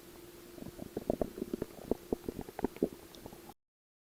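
Rapid bubbling gurgles over a faint steady hum for about three seconds; stomach growling.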